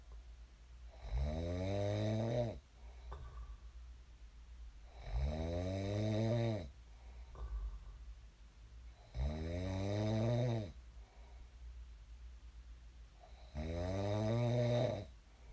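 Loud, rattling snores on each in-breath, about 15 a minute, with quiet breathing between them; ordinary sleep snoring.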